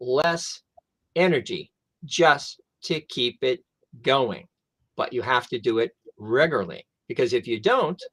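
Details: Adult male stroke survivor who lost his language after a stroke, now with mostly expressive (Broca's) aphasia plus some receptive difficulty; expressive (Broca's) aphasia.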